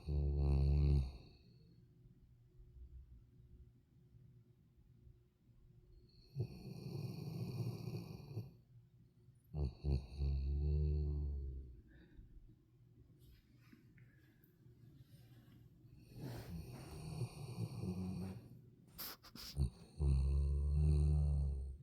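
Low, rumbling snores in irregular bursts with quiet gaps between them, from a sleeping dog; snoring.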